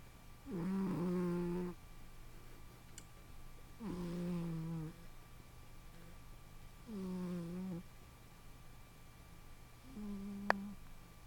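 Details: Sleeping pet cat on a couch: four regular, buzzy, tonal snores with breaths about 19 a minute and quiet room noise between; ordinary snoring during sleep.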